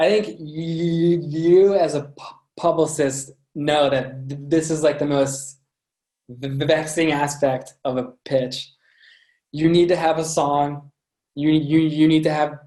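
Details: Adult man with a lifelong stutter present since birth; repetitions in this stretch; stuttering.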